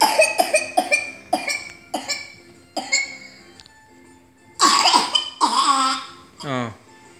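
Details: 4-year-old vaccinated boy with swab-confirmed pertussis, on antibiotics for 3 days, afebrile: rapid run of about seven dry coughs, then strained, high-pitched vocal sounds; paroxysmal whooping cough, about 5 fits per hour.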